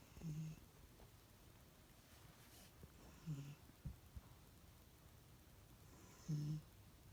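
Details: Soft, low, buzzing snores about every three seconds, roughly 20 a minute, from a sleeping pet in a quiet room: ordinary snoring.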